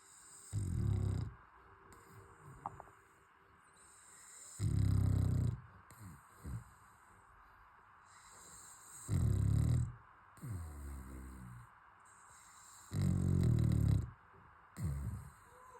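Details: A fluffy pet dog snoring while asleep during cuddles before bedtime: deep rumbling snores about every four seconds with soft snuffles and whines between.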